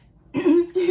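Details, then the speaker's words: Adult woman just recovering from illness, her voice still affected: a brief, voiced two-part throat clear ("ahem") in a quiet room. "It has been forever since I sat down to film, and clearly you probably can still hear why."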